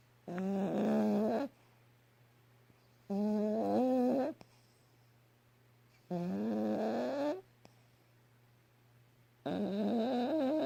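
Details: Small dog, Yorkshire Terrier, snoring loudly: tonal, whistling snores about every three seconds, around 20 a minute, with quiet pauses between.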